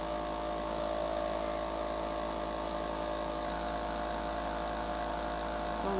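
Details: Toddler demonstrating a nebulizer breathing treatment with a mask: a steady mechanical hum and hiss of the nebulizer compressor running throughout, without pauses.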